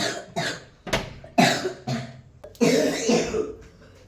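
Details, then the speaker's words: Child with heavy cough, cold and phlegm, given a home remedy drink: roughly six harsh wet coughs with retching and gagging as the child is urged to vomit up phlegm; productive cough with gagging. "ಒಂತಿ ಮಾಡು ಒಂತಿ ಮಾಡು ಅಂತಿ ಮಾಡು ಹೋಗದು ಕಫ ಕಫ ಎಲ್ಲ ವಾಪಸ್ ತಗೊಂಡು ಬಂದುಬಿಡುತ್ತೆ"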